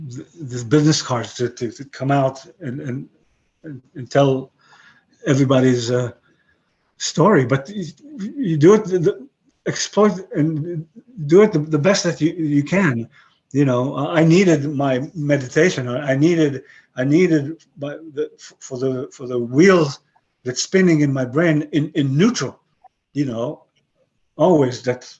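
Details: 62-year-old man with aphasia since a stroke about 11 years earlier; he lost most of his languages and calls his remaining English broken; aphasia.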